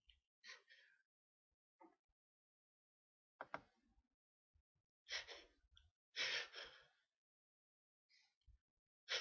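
A few breathy inhalations followed by hissing sneeze bursts in a quiet room.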